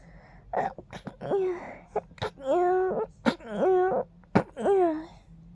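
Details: Person sneezing from pollen, sneezes described as tickly and funny-sounding: about four breathy intakes, each followed by a sharp, voiced burst; repeated sneezes.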